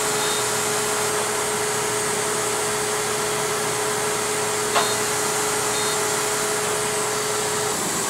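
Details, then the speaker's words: Steady hiss of suction and airflow with a constant tone, then a brief click: a SmartXide DOT fractional CO2 laser resurfacing a numbed patient's skin for acne scarring, with minimal overlap. "we just finished uh using the smart side uh dot therapy uh laser which is a fractional CO2 laser uh which is indicated for acne scarring wrinkles pigmentation"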